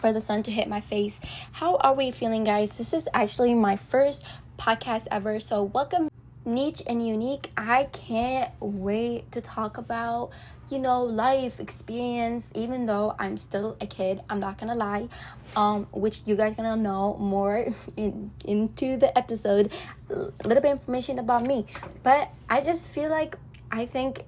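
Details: Woman, Arabic native speaker speaking English, with self-reported frequent stuttering and social anxiety, nervous while recording (stuttering).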